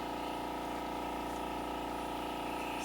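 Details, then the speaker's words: Steady low mechanical hum with even pumping drone from a Dermaglow II crystal microdermabrasion machine at lowest intensity, tip held flat on a client's tensioned forehead, crystals flowing evenly; microdermabrasion machine running. "so as you can see the crystals are coming out it's a nice even flow it's a nice even pattern"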